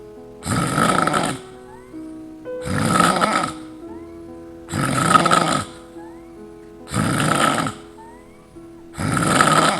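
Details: Five loud, rough snores at about 28 a minute, set to a piano melody that follows the breathing; snoring.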